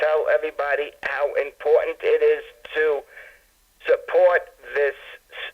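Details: Adult man with acquired stammering after a severe concussion from tripping on a walk, compounded by other injuries; he says it was much worse several days earlier and is improving; acquired stammering.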